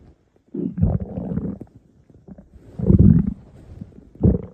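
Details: Low rumbling, gurgling growls in two or three bursts; the person's own stomach growling (borborygmi).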